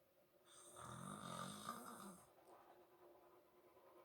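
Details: Adult father snoring while asleep: one low, rattling snore on an in-breath, fading into quiet breathing, in a soft recording.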